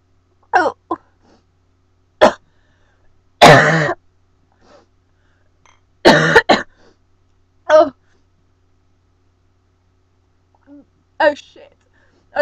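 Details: Irritant cough after inhaling cinnamon powder during the cinnamon challenge: repeated short, harsh coughs and throat clearing with pauses between bursts.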